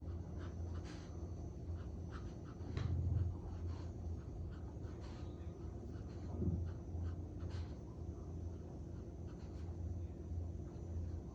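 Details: Collie dog loudly snoring, tired after 3 hours of walking and training in the park: low, rumbling sleep breaths, roughly 18 a minute.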